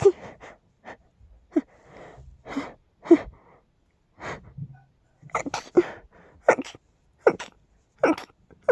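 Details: A rapid run of forceful, explosive sneezes, roughly a dozen bursts in under nine seconds with brief gaps; a sneezing fit attributed to dust and pollen.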